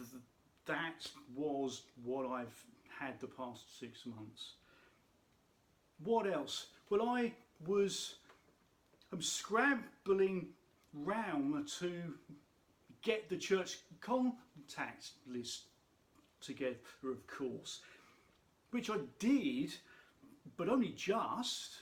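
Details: Adult speaker who states he has a stammer; stuttering.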